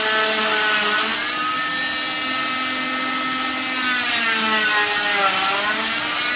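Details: Oscillating cast saw removing a patient's fifth cast in 7 months (sensitive skin, contact dermatitis reactions): a loud, steady high-pitched whine that rises and falls in pitch as it cuts, with music in the background.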